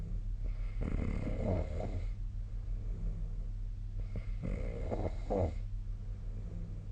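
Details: Snoring.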